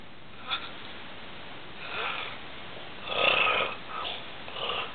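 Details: Snoring in a male cousin sleeping in the room overnight: soft, breathy, rasping breathing noises recurring throughout, fitting light snoring, with a faint snort near the start.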